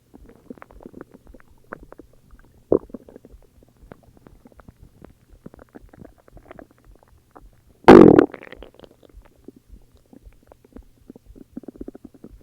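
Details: Ordinary stomach growling (borborygmi): soft gurgling rumbles with one loud, drawn-out growl from gas and fluid moving through the gut.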